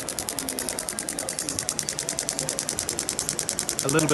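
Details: PERI-ACTOR shockwave (ESWT) fascia-release applicator over the shoulder toward the posterior deltoid of an athlete with a tight thoracic spine and reduced right-shoulder motion: rapid, regular mechanical clicking, about ten pulses per second.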